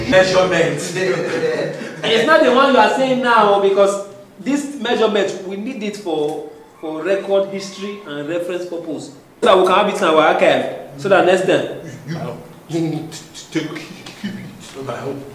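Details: Adult male speaker; Plain speech.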